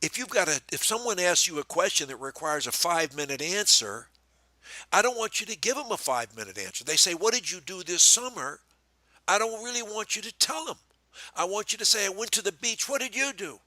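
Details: Adult male speaker; ordinary speech.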